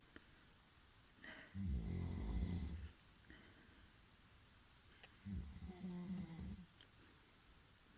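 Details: Brother sleeping nearby snoring: two low, rattling snores a few seconds apart in a quiet room.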